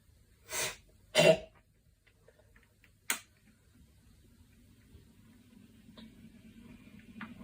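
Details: Girl coughing: three short, sharp coughs in a quiet room, two close together and a third after a pause.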